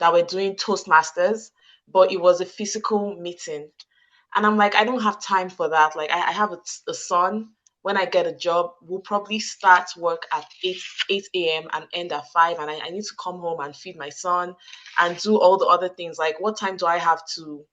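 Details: Adult woman with stuttering since childhood, who says she struggles to get some words out; audible repetitions; stuttering.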